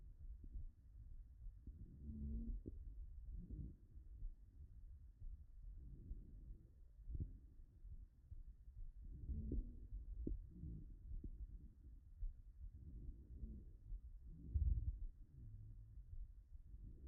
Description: Digital auscultation of Inspiratory Squeaks in a patient with severe Bronchiectasis www.pacesaid.com